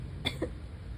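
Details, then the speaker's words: A single short, sharp cough with a brief rough tail over steady wind noise; coughing that follows repeated sneezing and comes from a stuck feeling, possibly turning wet. "It's stuck. It's just making me cough."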